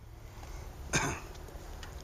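One short, harsh adult cough bursts out against steady outdoor background noise.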